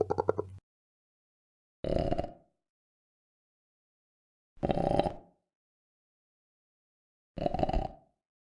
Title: Stomach Growling Sound Effects